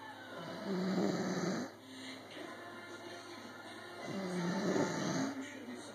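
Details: Snoring: two loud, rough, rattling snores on breathing in, a few seconds apart, with quieter breathing between and a faint steady room hum.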